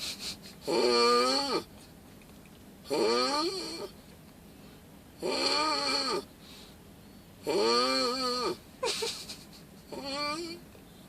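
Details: Snoring: rhythmic, rasping snores with a tonal, groaning quality, about five in eleven seconds (roughly 27 a minute), with quiet pauses between them.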